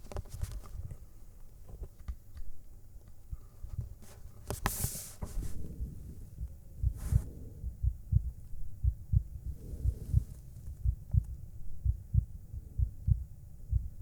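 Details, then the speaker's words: Simulated ASMR doctor-exam role play: handling noise, then soft, regular, low heart thumps at about 60 a minute after deep breaths, a normal heartbeat "you want to hear my heart P now maybe you like to hear my heartbeat all right that sounds like fun so here you go"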